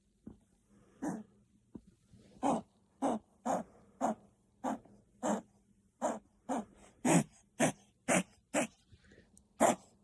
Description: Chihuahua Puppy reverse sneezing from kennel cough. If you see / hear your dog doing this would recommend speaking to your vet!